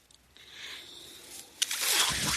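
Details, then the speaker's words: Speaker's own mechanical ventilator heard in a quiet room while he talks on a podcast: soft airy hiss followed by a louder rushing burst of air as the ventilator cycles. "Hello everyone. That noise you're hearing is my ventilator."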